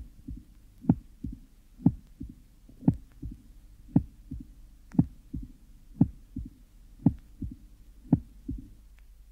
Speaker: the next recording illustrates a less severe case of pure mital stenosis the mid diastolic murma Fades off in late diast and the interval between A2 and the opening snap although difficult to assess clinically is 008 seconds